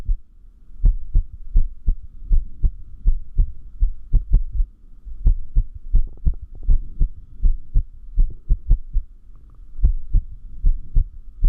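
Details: Irregular heartbeat (arrhythmia), said to increase with lack of sleep: low heart thumps at roughly 80 a minute with uneven spacing, some beats bunched, others after pauses, over a faint hum.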